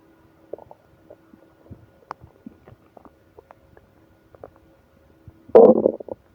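Soft scattered gurgles and squeaks, then a louder drawn-out rumbling growl near the end; bowel sounds of a growling stomach.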